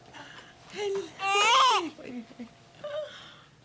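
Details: Cry of a newborn girl immediately after delivery, following a failed catheter induction; newborn cry.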